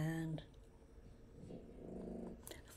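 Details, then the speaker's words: Sleeping puppy snoring: soft, low, rattling breaths of ordinary snoring under faint room noise. "do you hear the snoring? It's not my husband, it's my puppy."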